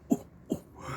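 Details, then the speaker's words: An adult man deliberately fakes two short, low, throat-clearing-like coughs to mock rumours of a severe epidemic in Tainan; an imitated cough, not a real one. "我现在就在这里这个咳看给大家听这装的啦真的是求一咳嗽而不可得呢"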